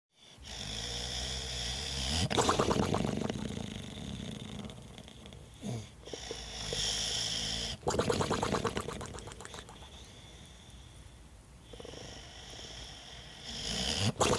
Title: Boxer Snoring, by Watson Productions